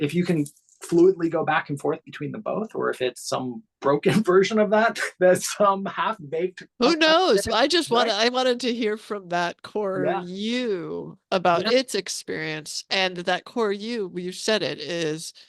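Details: Adult speaker; ordinary conversational speech.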